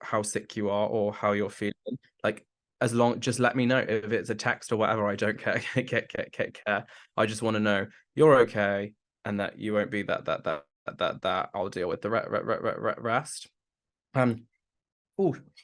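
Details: Adult man with Tourette syndrome, the less socially accepted form, onset in his mid-20s after brain damage; complex tics worsen with nervousness or emotion; has a stammer that was worse in the past; stammer with Tourette syndrome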